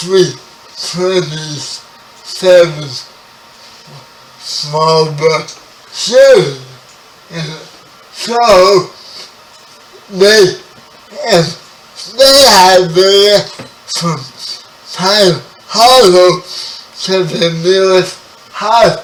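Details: 30-year-old man with spastic quadriplegic cerebral palsy, born 11 weeks premature; spastic dysarthria.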